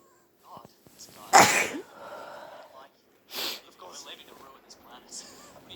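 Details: During a stuffy cold with blocked nose, one loud forceful induced sneeze then a shorter second burst, with sniffing and nasal breathing between; sneezing.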